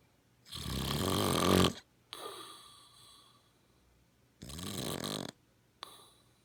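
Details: Jim snoring: loud, rattling inhalation snores alternating with softer, breathy exhalations over two full breath cycles; ordinary adult snoring.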